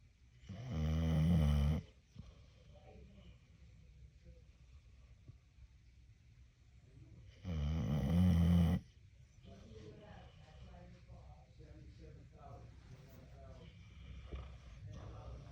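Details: Sleeping Pit Bull-type dog, tongue hanging out: two loud, rumbling snores a few seconds apart with quiet breathing between; snoring.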